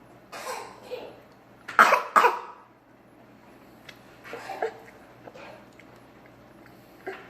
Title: Mocking his little sister's cough